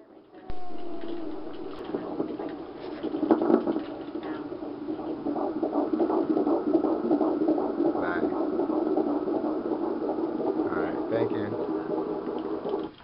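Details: Normal fetal heartbeat on Doppler at 13 and 18 weeks of pregnancy: rapid, rhythmic whooshing pulses about 160 beats a minute.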